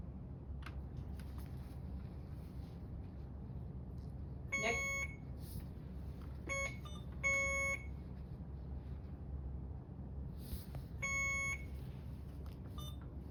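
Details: Alaris infusion pump starting a primary peripheral IV fluid infusion after programming and pressing start: several short electronic beeps over low room hum; routine device tones.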